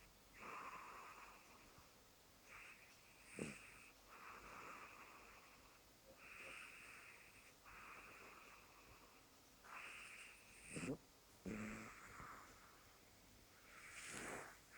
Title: Cat Lord Vader Snoring